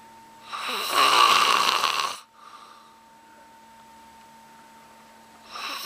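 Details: Loud, annoying snoring: one loud, harsh, hissing breath noise followed by quiet before the next breath, faint steady hum underneath; snoring.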